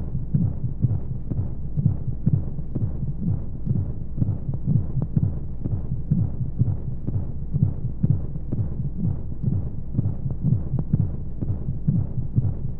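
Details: Womb-sound baby sleep aid with white noise: steady, muffled low heartbeat thumps at about 60 a minute over a deep whooshing hum, used to settle babies to sleep.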